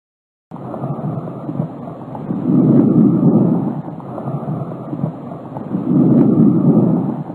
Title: Ruidos pulmonares Normales